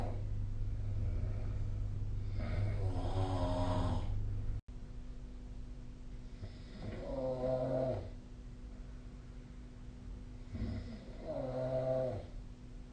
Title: 🐽 いびきの音 / Snoring Sleep Sound 2025/05/27